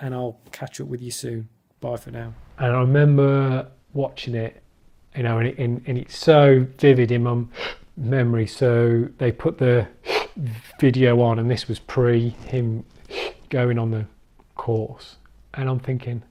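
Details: Adult who stammers, speaking spontaneously in a football fan-cam interview with his speech technique abandoned; lots of blocks and clearly overt stammering — stuttering.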